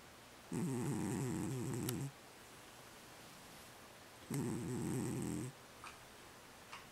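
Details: Two long, low, rattling snores about four seconds apart in a quiet room, with a couple of small clicks afterward, during sleep; snoring.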